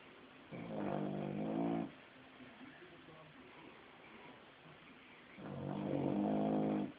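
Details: A sleeping puppy napping in the basement snores loudly, with buzzing, rattling snores on each in-breath roughly every five seconds and quiet breathing between: snoring.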